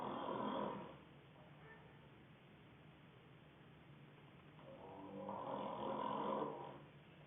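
Soft, rough snoring breaths rising and fading over a few seconds, with a quiet gap between them and faint room hiss.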